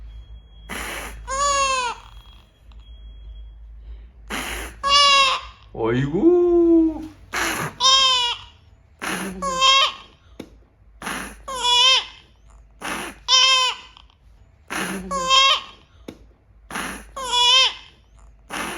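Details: Infant with a tracheostomy cries at home for the first time since discharge, almost 5 months after tracheostomy surgery: repeated clear, high-pitched cry bursts voiced through a special speaking valve he practises with 2–3 hours daily.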